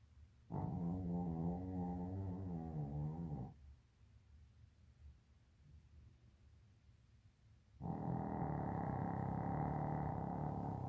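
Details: Two long, loud rattling snores from a sleeping dog, separated by a quiet pause; heavy snoring.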